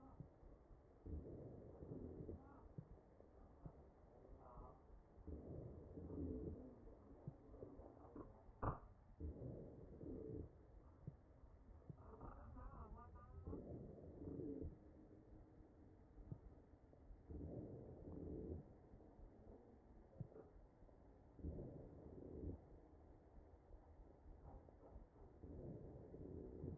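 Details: Real mechanically ventilated patient's chest: ventilator breaths with wheezing.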